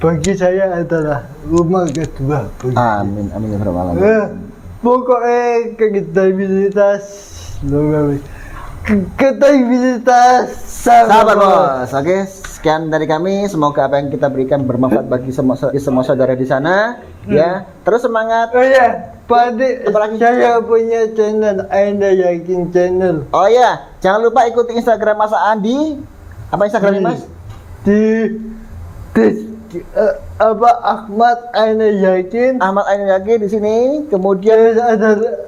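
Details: Adult speaker (podcast host); typical speech.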